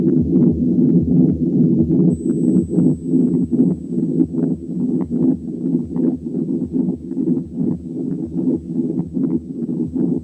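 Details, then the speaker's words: Patent ductus arteriosus: one continuous machinery murmur through the whole cardiac cycle, loudest at the second sound and softest at the first sound, with no silent gap. "لكن دي مامر واحده مستمره على مدار الكاردياك سايكل، بتزيد لماكسيمم انتنسيتي عند السكند ساوند وتقل المينيمم انتنسيتي عند الفيرست ساوند، وصوتها زي صوت مكنه وعشان كده بيسموها ماشينري مامر."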